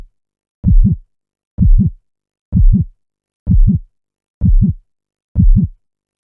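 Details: Steady, regular lub-dub heartbeat at about 64 beats a minute, deep paired thumps in a quiet background, played as a soothing sleep sound: normal heartbeat.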